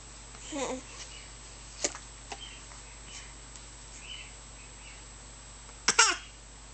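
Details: A young child babbles, then gives a short, forced double cough, faked to try to get soda after once being given some while choking: a voluntary cough, not illness.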